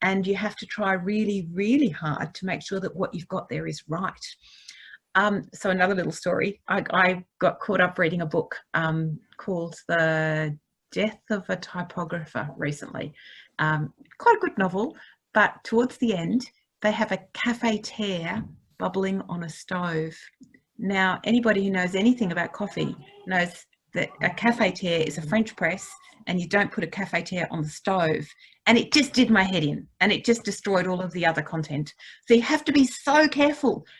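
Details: Adult woman speaking; normal speech.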